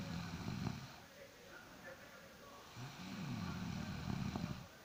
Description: I am tired. I am snoring.